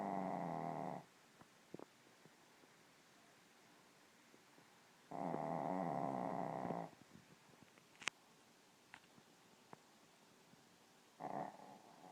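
Regular deep buzzing snores on the in-breaths, about one every five seconds, with quiet pauses between; ordinary snoring.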